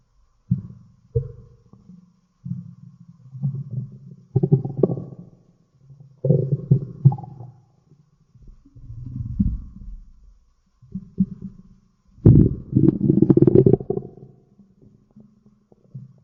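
Low gurgling, rumbling bursts come and go over about 16 seconds, typical stomach growling from gas and fluid moving through the gut.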